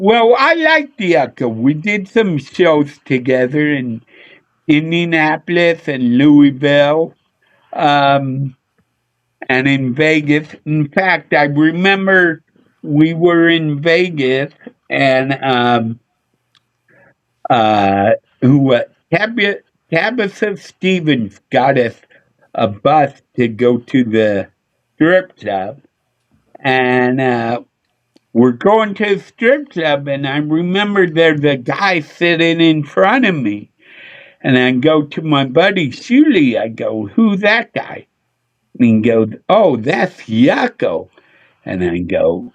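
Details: Adult male with a speech impediment he attributes to a neurological problem: MRI showed an underdeveloped back of the brain, and he hit his head on a dashboard in a car accident when younger; sometimes mistaken for drunk; slurred speech (speech impediment).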